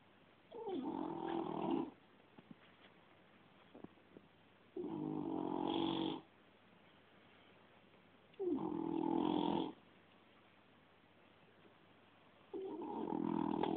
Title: Funny cat snoring